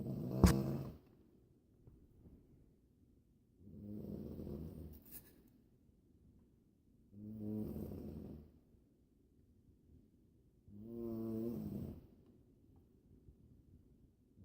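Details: Snoring: loud, rattling snores recurring every three to four seconds, about 16 a minute, over a quiet background.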